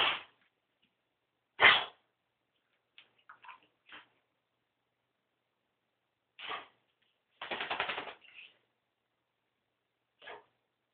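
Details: Cough in a female dog, cause unknown to the owner: short, sharp, harsh bursts, singly and in a brief run, with quiet gaps between.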